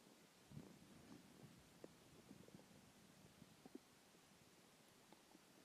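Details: Hunger stomach growling after a skipped lunch: soft irregular gurgles and low rumbling squeaks over a quiet background; normal bowel sounds (borborygmi).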